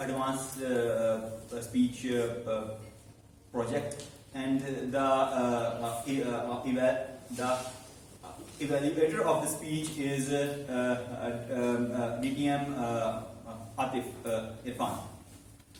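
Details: Adult man who stammers, about eight to nine months into a stammering support speaking club and has learned to accept it, hosting a live club meeting; stuttering.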